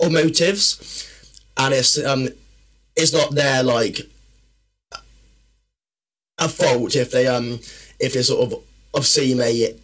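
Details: Adult man, a personal trainer and former army medic, with a stammer since childhood that worsens when he is tired, stressed or nervous: stuttering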